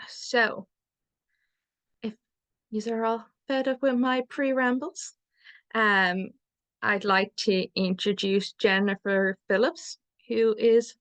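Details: adult man who describes himself as a person who stutters and a stuttering advocate; stuttering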